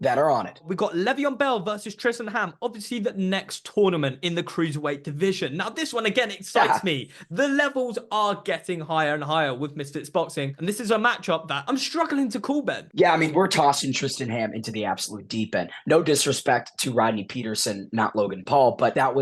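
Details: Adult male speaker; ordinary speech.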